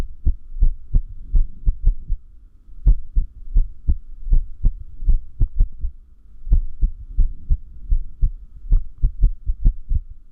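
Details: Low heart thumps with uneven spacing, bursts of closely spaced beats broken by longer pauses: an irregular heart rhythm (arrhythmia), said to increase with lack of sleep.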